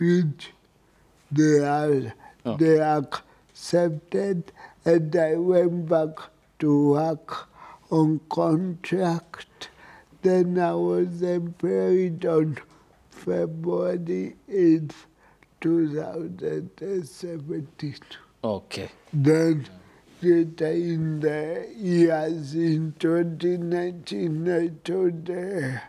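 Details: Dysarthria in an adult with cerebral palsy.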